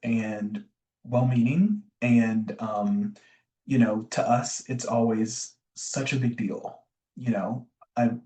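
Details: Adult man, a self-described recovering covert stutterer who still stutters (real, not acted), with word and phrase repetitions and fillers; covert stuttering.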